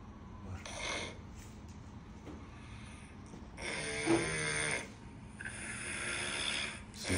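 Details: Snoring: three harsh, fluttering snore-like breath noises, one with a buzzing, vibrating tone, separated by short quiet gaps.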